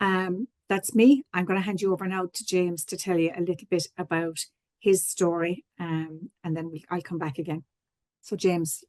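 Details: Adult woman speaking; normal speech.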